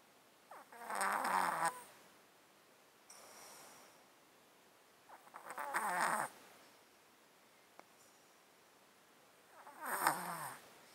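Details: Close-up mic recording of a cat sleeping in a box with a 13-year underlying disease that makes him snotty and sneezy: slow, noisy, wet snuffling breaths about 13 a minute with rattly snoring on inspiration, congested breathing.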